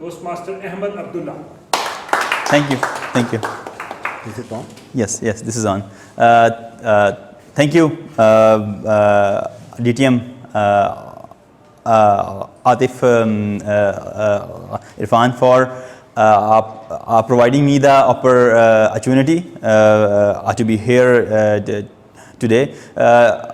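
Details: Adult male who has stammered since age two, giving a speech at a stammering-support public-speaking session; stuttering.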